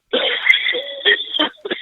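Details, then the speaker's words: Person on a phone call demonstrates the persistent "continuous" cough they have, describing it as mild: a short run of about four dry, hacking coughs over a muffled phone line; dry cough. "this is the thing that when they said it's a continuous cough, and I was thinking, what does that really mean?"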